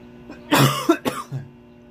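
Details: Adult with a head cold, blocked nose and blocked ear, feeling miserable: a few short, harsh cough bursts in a quiet room.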